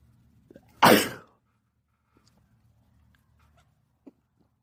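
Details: Person having a sneezing fit at a house with two cats; a single sharp, explosive sneeze followed by quiet breathing and faint sounds; sneezing.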